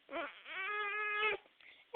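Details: A single drawn-out wailing cry, steady in pitch, then a brief whimper, from a baby girl upset by hiccups while trying to sleep; an ordinary infant cry.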